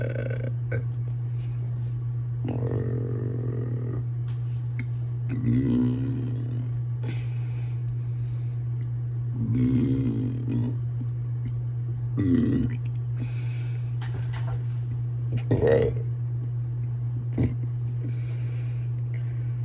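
Repeated low, croaky burps every few seconds, about five in total, over a loud steady hum. Ordinary belching.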